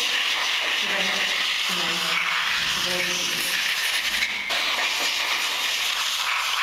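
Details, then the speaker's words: Continuous loud hissing of a dental air-water syringe rinsing a dog's teeth after scaling and polishing, springloaded mouth gag in place, veterinary teaching demonstration; faint tones in background. "okay once all the teeth have been scaled and Polished you can use your little air and water spray"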